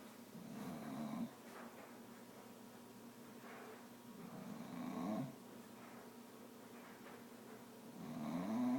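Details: Sleeping dog snoring: soft, rough snores with slow swelling breath sounds and faint whistling at the end of some breaths.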